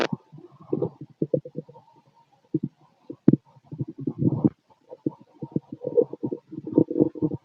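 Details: Bowel sounds.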